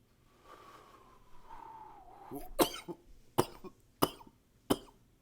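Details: Coughing recorded close to a high-fidelity microphone in a quiet room: a short nasal sound, then four sharp, separate coughs.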